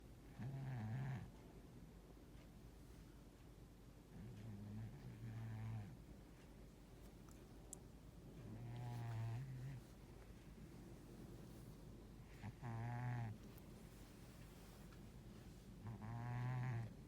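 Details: 14-year-old male cat, a very deep sleeper: slow, regular low rumbling snores with each breath, about 17 a minute, soft room noise behind; snoring.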